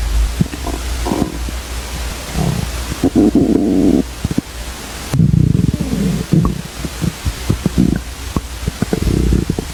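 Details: Male stomach growling: irregular low gurgles and rumbling growls with small pops and clicks; normal bowel sounds.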